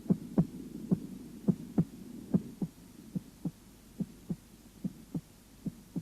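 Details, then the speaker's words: Normal heart sounds heard at the apex, first sound louder than second: regular paired heart sounds, about 75 a minute, with a low hum behind. "в норме на верхушке первый тон громче второго"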